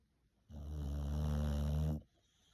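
One loud, deep, rumbling snore lasting about a second and a half from a sleeping dog.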